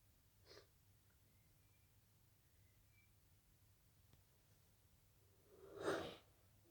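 A brief faint catch of breath, a long quiet pause, then one loud burst: a sneeze after a false start.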